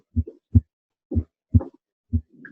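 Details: Simulated normal heart sounds on a Harvey cardiopulmonary simulator at the upper left sternal border, clear regular S1 and S2 at about 62/min, with S2 louder than S1 at the base.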